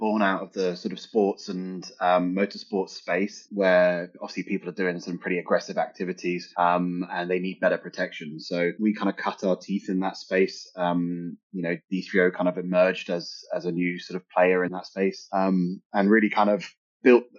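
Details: Adult male speaker; normal speech.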